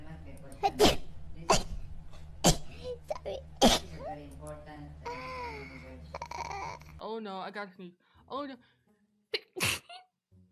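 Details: A run of five explosive sneezes from a vtuber, with groans and short vocal sounds between them; repeated sneezing.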